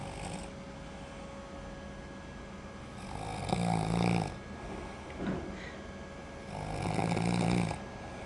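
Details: Person asleep in a bedroom gives two loud, low rattling inspiratory snores about three seconds apart, with quieter breaths between and a faint room hum. Snoring.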